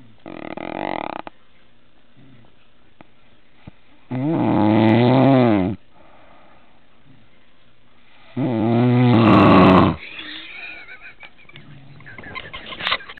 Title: Monster Snoring! lol :D